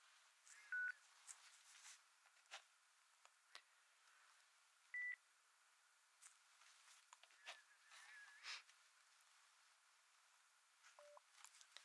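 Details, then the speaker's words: Pure-tone audiometry test tones played through headphones in a simulated ASMR hospital roleplay hearing test, for a patient with clogged ears and mild redness on both sides; the listener raises the hand on the side the tone is heard. "Dobra? Więc w porządku, więc usłyszysz serię dźwięków. Chcę, żebyście podnieśli rękę, która odpowiada stronie, z której słyszycie ton."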